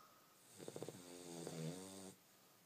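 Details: 11-week-old Cane Corso puppy snoring: a single quiet, fluttering snore on one breath, starting with a few rapid rattles and settling into a soft buzzing tone.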